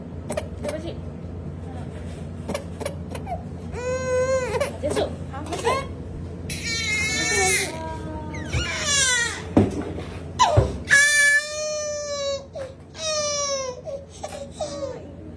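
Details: Baby crying at a vaccine injection: loud, high-pitched wails with short gasps between them.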